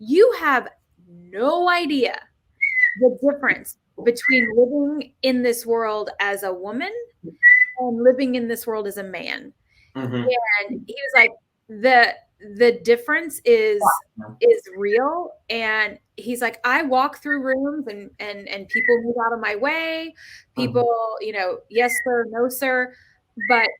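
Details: Adult woman speaking; ordinary speech.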